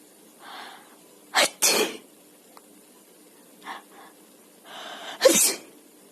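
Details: Several sharp, explosive sneezes, each preceded by a short in-breath, with soft vocal sounds and laughter around them; a baby reacts whenever a person sneezes; sneezing.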